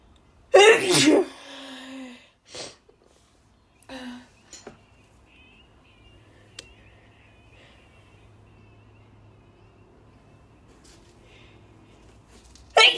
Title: loud harsh dust sneezes (f)